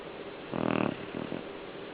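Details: Pet dog snoring: a single rough, rattling snore on a breath of about half a second, then a softer flutter, in a quiet room.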